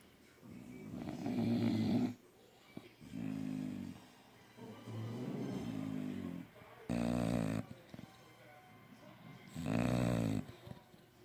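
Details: Sleeping bully dogs snoring: loud, rattling, low-pitched snores in about five bursts of uneven length, some long and droning, others short and sharp.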